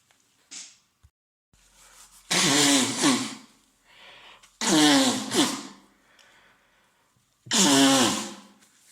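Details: Man with a common cold (congested, runny nose, sore throat): three loud voiced sneezes, each with a drawn-in breath before it.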